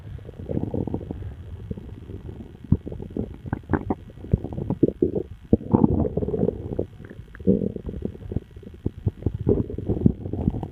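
Loud, frequent low gurgling and rumbling with bubbling pops, typical of active bowel sounds (borborygmi), a normal gut noise.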